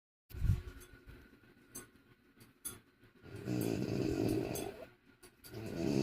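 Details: Sleeping French bulldog snoring loudly: rough, rattling snores with snorting breaths between.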